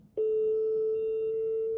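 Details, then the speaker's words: Defibtech Lifeline View AED trainer demonstration: voice prompts say analyzing heart rhythm, do not touch the patient, stand clear, shock advised, charging, followed by a loud steady charging tone before the shock. "analyzing heart rhythm do not touch the patient stand clear shock advised charging"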